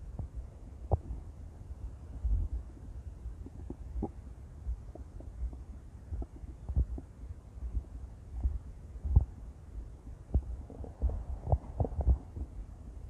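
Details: Intense stomach growling from a female: low gurgling rumbles and bubbling pops over a steady low hum; loud borborygmi.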